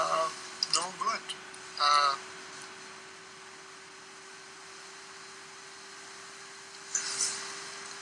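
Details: Adult man with Broca's aphasia, struggling to put together more than one word at a time or even to produce one word; Broca's aphasia.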